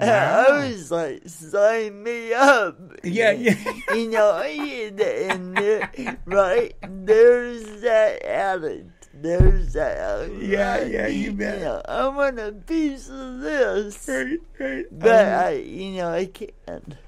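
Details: Adult woman born in 1959 with cerebral palsy caused by oxygen being cut off to her brain during delivery; it affects her speech and motor skills, and some listeners find her hard to understand; history of alcoholism; dysarthria (cerebral palsy).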